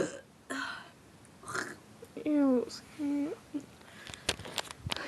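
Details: Deliberate burping during a burping contest among friends: two drawn-out voiced belches with shorter throat noises and breaths between them, in a quiet room.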